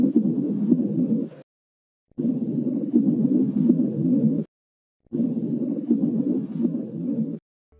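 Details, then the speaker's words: Chest auscultation demonstration: the patient's whispered "one, two, three" comes through the chest wall unusually loud and clear, suggesting airless lung; whispered pectoriloquy. "these sounds are louder and clearer than normal as in this example whispered patriluki is present all these changes suggest that the airfield lungs has become airless"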